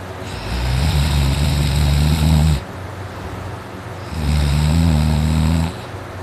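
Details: Adult man snoring loudly in sleep, with a very dry, sore throat before sleeping: two long, loud, deep rattling snores with quieter breathing between them; his snoring regularly wakes the household.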